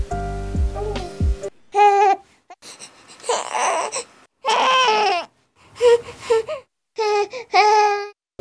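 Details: Discomfort cry from a newborn, Dunstan 'heh' type: after brief music, short, repeated fussy cries with breathy 'heh'-like onsets.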